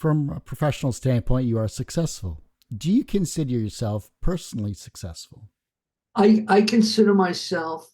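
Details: Adult interviewer and adult respondent; ordinary speech, two speakers.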